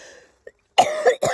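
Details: Adult hiker with chest pain and rapid weight loss gives two harsh, rough coughs in quick succession, the first longer than the second: a cough.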